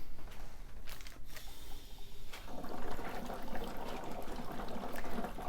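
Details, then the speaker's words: Chest drainage system in a set-up demonstration, sitting on a table and not connected to a patient, with suction just turned on: continuous gurgling and a lot of bubbling in the suction control chamber, plus a small air leak bubbling in the water seal chamber. "now you can see that there's actually a lot of bubbling going on in my suction control chamber"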